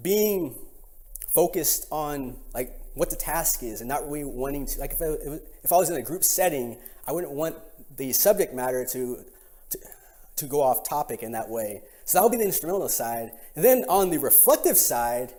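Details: Real stuttering in an adult man who has stuttered for as long as he can remember, recorded during a talk sometime between 2013 and 2019.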